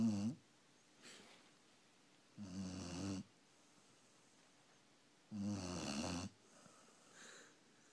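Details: Sleeping puppy with loud, rumbling snores on each breath in and softer breaths out, about 21 breaths a minute: snoring.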